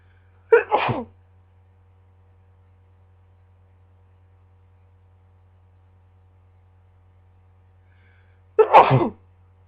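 Two sharp sneezes about eight seconds apart, each an explosive burst after a quick in-breath, with quiet room hum between.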